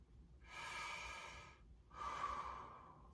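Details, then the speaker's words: Deep breaths auscultated with a stethoscope over the left and right chest and the back during a focused assessment of a male patient. One slow, smooth, quiet breath is heard with no wheeze or crackles: clear breath sounds, with no adventitious sounds. "Your breath sounds sound very clear. So I don't see any problems with that."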